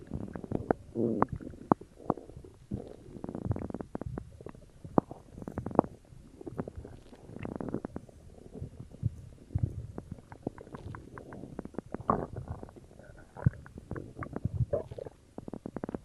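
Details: Own abdomen recorded for ASMR after drinking cola: almost constant low gurgling and bubbling rumbles with frequent sharp pops, active stomach growling (borborygmi).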